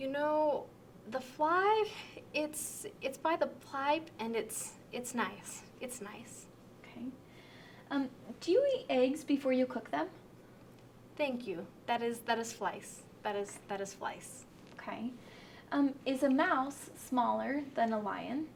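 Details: Severe transcortical sensory aphasia, demonstrated in a picture description: fluent connected speech with relatively intact sentence structure but lacking meaning, mixing real words, made-up words, mixed-up sounds and unrelated words.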